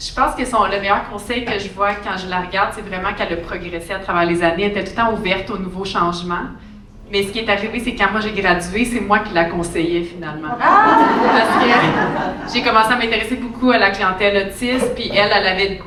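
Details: Adult woman speaking French; normal speech.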